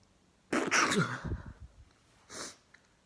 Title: First time chhinkni sneezes + nose blow